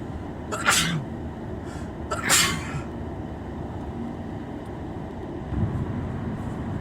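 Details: Simulated scenario: a man with a cold sits congested in a car's passenger seat, sniffling and blowing his nose, and gives two sharp sneezes over steady road noise.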